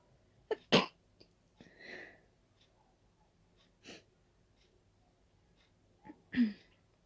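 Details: Sneezing from dust allergy while cleaning: three sharp sneezes, each preceded by a quick in-breath, with soft breathing between them, a bout of repeated sneezing.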